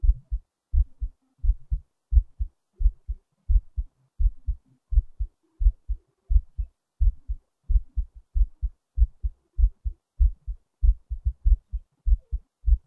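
Clear, regular lub-dub heartbeat at roughly 87 beats a minute, no extra noises.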